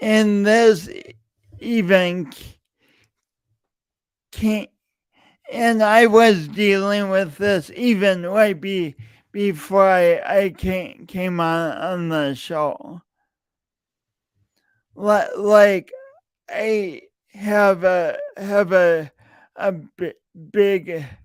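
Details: Adult male podcast host with a long-standing speech impediment he denied for years, present every time he speaks; repeated words throughout; stuttering.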